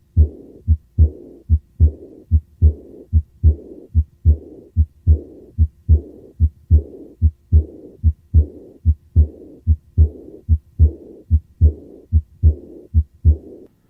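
Regular heart sounds at about 73 a minute, each followed by a soft blowing murmur after the second sound, fading through diastole: aortic regurgitation.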